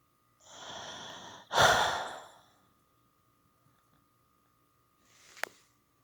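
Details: Influenza A: a slow, whistling in-breath and a forceful out-breath, then a short later breath; wheezing.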